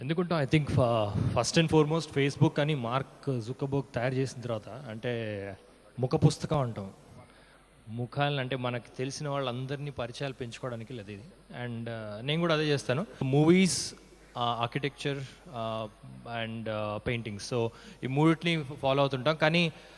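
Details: Adult man speaking; Normal voice.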